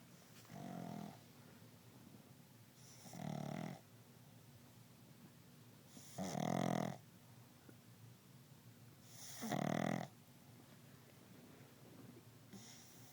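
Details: Dog sleeping while sitting up on a couch, with four rattling snores about every three seconds, roughly 20 breaths a minute, in a quiet room; dog snoring.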